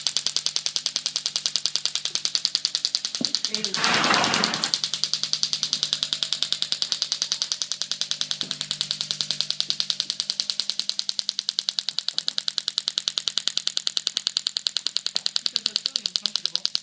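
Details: STORZ MASTERPULS VET shock wave unit with DEEP IMPACT tip treating sacroiliac joint pain in a horse: rapid, steady clicking pulses about 200 a minute, brief rustling.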